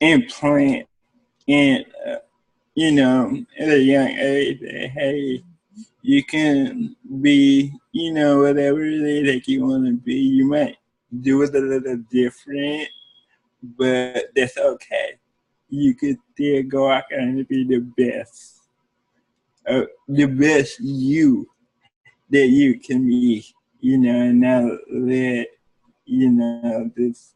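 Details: Adult man with cerebral palsy speaking in an interview; cerebral palsy is noted as able to affect speech. Dysarthria (cerebral palsy).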